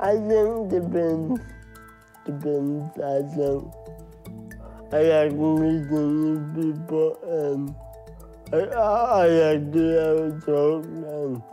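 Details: Dysarthria from cerebral palsy in a 23-year-old Samoan man, who says parts of his brain don't work well so his words come out this way.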